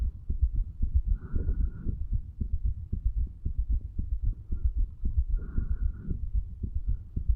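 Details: 35-year-old male's heartbeat via stethoscope at the tricuspid valve area, placed lower than usual, under the effects of medical marijuana and nicotine: steady, regular low thumping, normal heart sounds.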